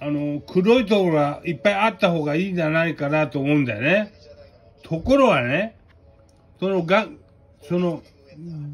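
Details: Aphasia with hemiplegia following cerebral hemorrhage.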